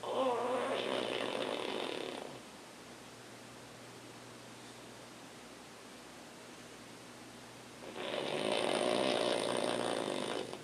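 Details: Pug snoring as usual: two loud, rough rattling snore bursts about six seconds apart separated by quiet, typical of a flat-faced dog's narrowed airway; snoring.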